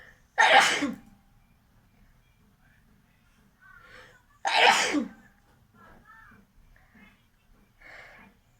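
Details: Two loud, forceful sneezes about four seconds apart with faint sniffing and nose sounds between; deliberate sneezes performed for a sneezing challenge.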